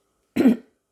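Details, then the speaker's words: A single short, harsh cough or throat clear from an adult who says their voice is a little hoarse this morning, in a quiet room; cough / throat clearing. "pardon j'ai ma voix un petit peu enroué ce matin"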